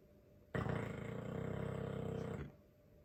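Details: Dogue de Bordeaux snoring: one long, loud, rumbling growl-like snore about two seconds, rising suddenly and fading.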